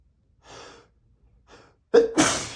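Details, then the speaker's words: Huge sneeze from a person (labelled M): two building inhalations, then one loud, explosive sneeze. "I'm going to sneeze. You I need to sneeze. I'm going to sneeze."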